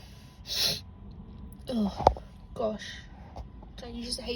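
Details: Woman sneezing suddenly, taken by surprise: several short bursts of air with sharp intakes of breath and brief vocal sounds.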